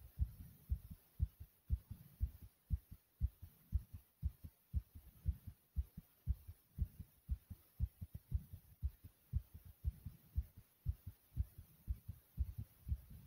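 Fast, regular, strong heartbeat at about 118 beats a minute, a rapid forceful heartbeat (tachycardia).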